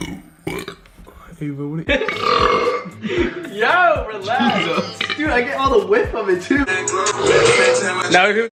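Several long, voiced, gurgling belches in a row, with some music in the background; repeated burping.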